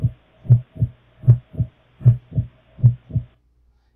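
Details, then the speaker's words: Normal heart sounds at about 77 beats a minute: louder first "lub" from closure of the tricuspid and bicuspid (atrioventricular) valves, softer second "dub" from closure of the aortic and pulmonary semilunar valves. "can see the louder one is definitely the tricuspid bicuspid and the softer one is the semi lunar"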